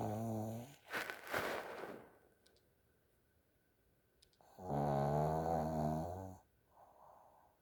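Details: A sleeping pug makes loud, buzzing, rattling snores on the in-breath with a noisy exhale between, in a quiet room; owner calls this pug unusual for snoring; snoring.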